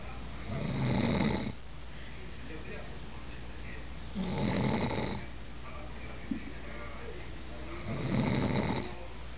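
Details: Three loud, rough, rumbling snores on the in-breath, about 3.5 seconds apart, with quiet breathing between, from a sleeping father: ordinary snoring.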